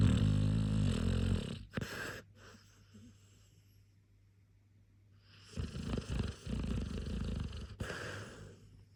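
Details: A sleeping dog snoring loudly: two low, rattling snores separated by a quiet pause.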